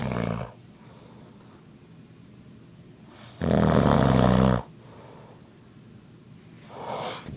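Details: Grandfather snoring at 2 am: loud, rattling low snores recur with each breath during sleep, separated by quieter breathing.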